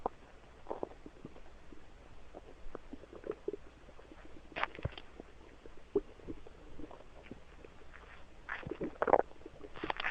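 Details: Irregular gurgles, squelches and brief rumbles of varying loudness over a low hum; ordinary stomach rumbling (borborygmi).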